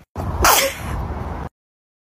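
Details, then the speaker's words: A single sharp sneeze from a person, a brief intake then an explosive burst of air, from a sneezing compilation; sneeze. "a compilation of my favorite sneezes this year"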